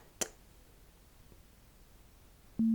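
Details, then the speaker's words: Simulated audiometry beep in an ASMR doctor roleplay: after a click and quiet room hiss, a steady pure beep tone plays while the listener is asked to signal on hearing the beep, or the second beep. "now let me know when you hear the second beep okay there might be two of them there might be even more but I need to know when you can hear this second one deal"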